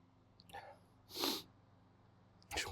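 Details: Adult male, hitchy sneezes: a short catching inhale, then a loud explosive sneeze, and the start of a second sneeze at the end.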